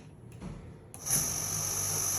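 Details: Oxymed 10 LPM dual-outlet oxygen concentrator being switched on: a click, then a steady high-pitched whir and hiss as it starts up and runs.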